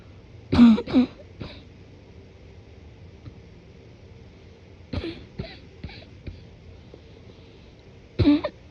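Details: Morning cough, deliberately suppressed and muffled: partly held-back coughs in a few short groups with throat clearing, sounding thick and congested.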